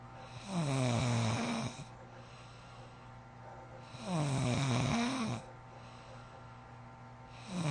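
Loud, rough snores on each in-breath with quiet pauses between, about 17 breaths a minute; heavy snoring.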